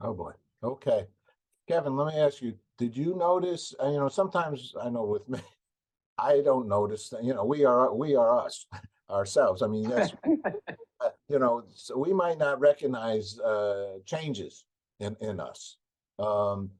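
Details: Adult male speaker, interview host; normal speech.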